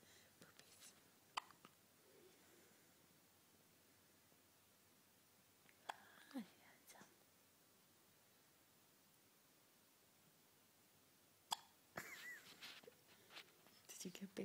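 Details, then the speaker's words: Newborn, day 4 of life, first-ever hiccups in the morning, swaddled: a few soft, abrupt catches of breath spaced several seconds apart in a quiet room; infant hiccups. "You got all kinds of stuff going on right now. You've got messy face. You've got hiccups."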